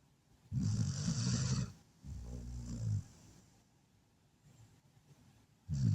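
Loud, low, rattling snores from a sleeping dog, three over about six seconds.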